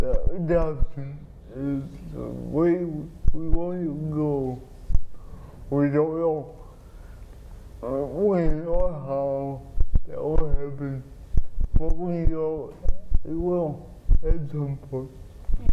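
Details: Adult man with cerebral palsy who has had surgery on an implanted pump delivering spinal medication to reduce spasticity; dysarthria (cerebral palsy).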